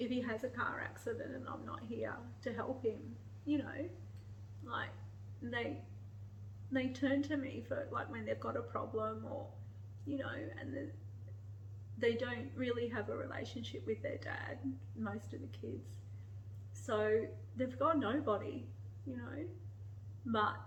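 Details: Adult woman with motor neurone disease (ALS), declining breathing, needing a breathing machine more during the day, very limited body movement, runs out of breath speaking: dysarthric, breathy-creaky speech with breathlessness in motor neurone disease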